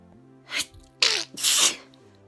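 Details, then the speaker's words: Adult sneezing again: a brief inhaled hiss, then two sharp, hissing sneezes in quick succession over faint background music. "well i'm just now sneezing again"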